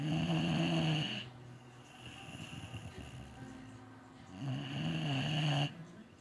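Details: Loud, deep, buzzing snores on each breath, with quieter rumbling breaths between, in a sleeping Boxer dog; heavy snoring.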